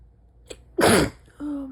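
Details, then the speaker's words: Midnight stifled sneeze from a sick adult pinching them off: a brief inhaled catch, then one strong, muffled, held-back sneeze burst and a short voiced sound; sneezes described as strong, painful and hard to stifle. "Bless you. I honestly didn't think you were going to be able to stifle that one."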